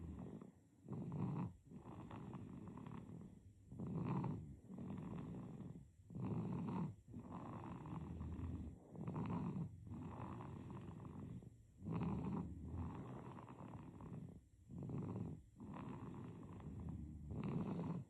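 Soft, rhythmic rattling snores with each breath, about 21 a minute, with brief quiet gaps between them. Infant snoring during sleep.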